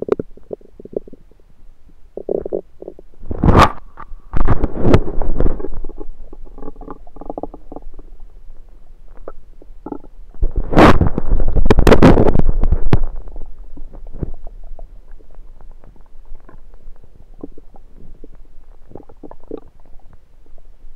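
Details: Abdomen recorded with a USB stethoscope: irregular gurgling rumbles and bubbling bursts; ordinary bowel sounds (borborygmi), normal stomach rumbling.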